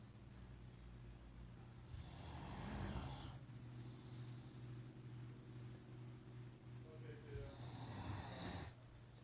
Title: Tango snoring